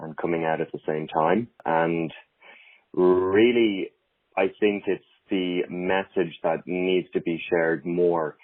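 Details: Adult man who stutters; stuttering.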